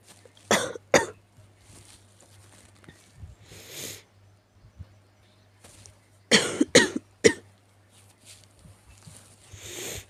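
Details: Sick cat: two clusters of sharp wet coughs, about six in all, with softer sniffs and sneezes between.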